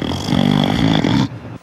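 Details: A single loud, rattling snore on an in-breath, fading off at the end; such snoring may signal an undiagnosed sleep disorder.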